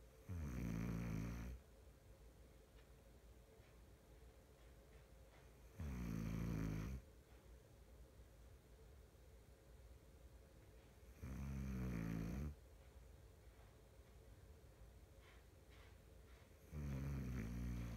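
Low, fluttering snores on each in-breath at a slow, regular rhythm, about 11 breaths a minute, with quiet hiss between.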